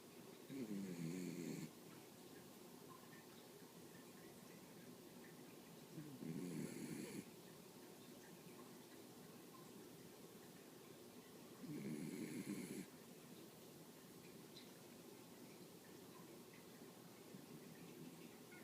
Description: Zoey the snoring Weenie!!